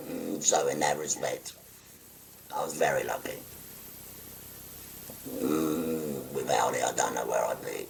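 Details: 57-year-old man after total laryngectomy for stage four laryngeal cancer, speaking through a voice prosthesis by pressing a button to occlude the neck stoma; tracheoesophageal speech.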